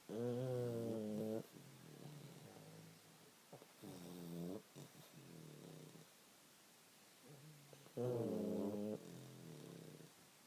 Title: The snoring...